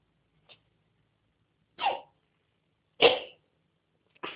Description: My cat coughing.. You'd think shes a smoker lol